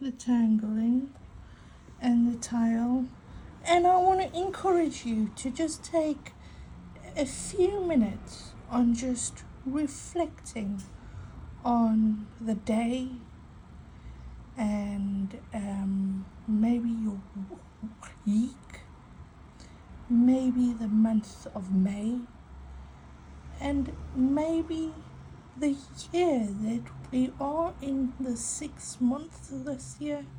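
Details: Adult woman with a stutter mainly on vowel-initial and W words and long phrases, using breathing techniques and a stuttering device on her phone; stuttering.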